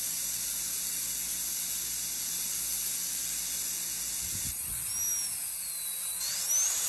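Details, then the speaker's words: Class II interproximal cavity preparation: steady high-pitched hiss and whine of a high-speed dental drill with water, brief pitch change as the bur smooths the preparation; dental drill. "smooth the preparation with rotary instruments high-speed with water or slow speed or hand instruments"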